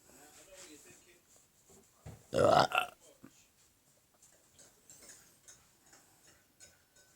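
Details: Burping: a single loud, throaty burp in a quiet room with faint background noise.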